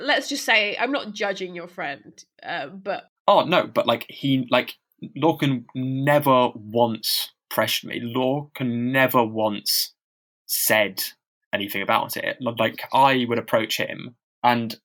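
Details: Stammering in a man who stammers, speaking unscripted as a podcast co-host; he reports having really heavy blocks.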